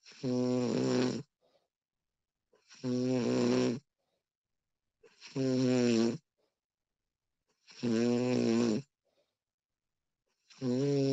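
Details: Loud, rattling snoring from a sleeping adult (female version), one snore on each breath in at about 24 a minute, with quiet pauses between them.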